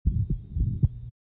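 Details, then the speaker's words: Patient who survived syncope, with LVH on EKG: heart sounds heard standing, then squatting; low thumps with a quiet systolic murmur that gets softer on squatting, unlike aortic stenosis, suggesting hypertrophic cardiomyopathy. "increased blood volume should make an aortic stenosis murmur louder but this murmur gets softer with squatting"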